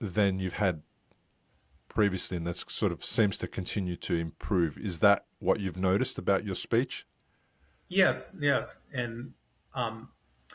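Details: Adult male podcast host, with brief replies from a second speaker; unaffected speech.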